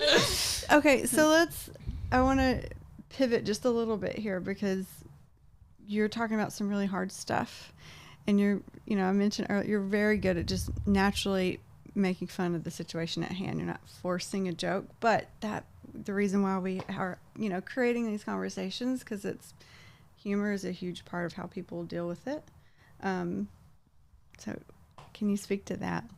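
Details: Adult woman; typical speech.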